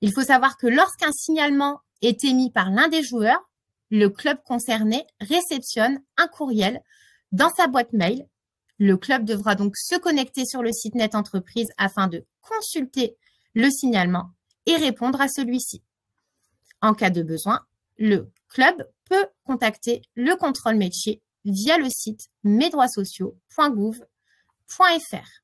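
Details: Adult woman speaking French; Normal speech.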